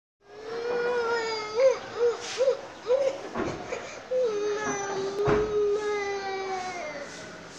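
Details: Young child crying with a wavering, whimpering voice and a few catches of breath; ordinary crying.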